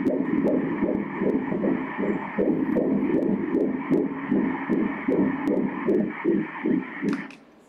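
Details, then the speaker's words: Umbilical cord Doppler ultrasound at 13 weeks of gestation gives rapid, regular whooshing fetal flow pulses at about 154–158 per minute, a normal fetal heart rate. This is fetal umbilical cord Doppler flow. "[دکتر] این فرکانس نوزادی است که ما از بند ناف می گیریم،"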